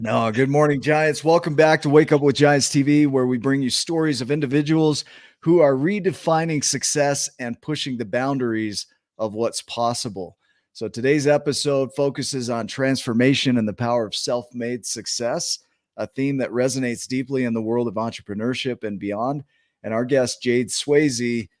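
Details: Adult speaker; normal speech.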